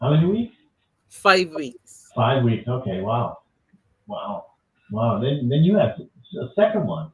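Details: Adults in conversation; conversational speech.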